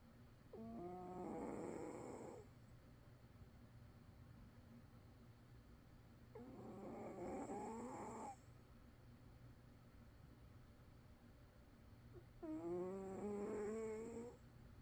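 Slow, soft snores from a sleeping cat, each a drawn-out rattly, slightly whistling breath, about every six seconds.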